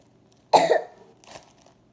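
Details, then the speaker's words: One strong cough followed by a softer second one in a quiet room, from a person with a bad cough that hurts the throat. "and today I'm going to be teaching you how to make some milk or some kind of consistency so your throat doesn't hurt and it soothes down your throat when you have a bad cough like me."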